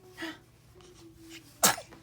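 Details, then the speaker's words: Single sharp, high sneeze from a 5.5-week-old newborn boy, just after being fed, burped and changed, with soft breathing and a faint room hum beforehand; a newborn sneeze. "Bless you. Salud."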